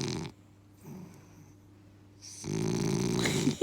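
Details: Sleeping male French bulldog, eyes half open, snoring heavily: loud, rumbling, buzzing snore breaths separated by a quiet pause; snoring.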